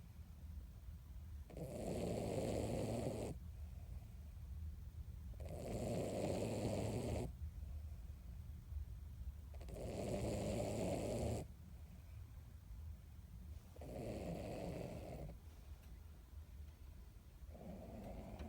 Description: My 16 year old Miniature Dachshund taking a snooze and snoring loudly after her weekly Sunday bath.